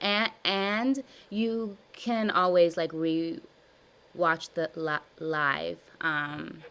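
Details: Adult woman with stuttering since childhood, describing severe blocks, in a live therapy session practicing voluntary stuttering and cancellations; she repeats and revises words; stuttering.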